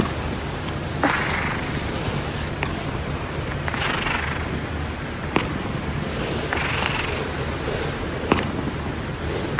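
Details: Steady low rumble with a noisy, rasping breath about every three seconds, roughly 21 breaths a minute: loud snoring in a sleeping cat.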